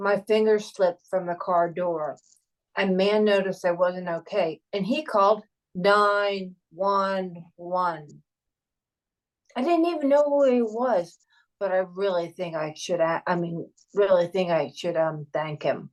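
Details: Aphasia in a male stroke survivor telling his own stroke story. Speech errors are attributed to his aphasia. Finding: aphasia.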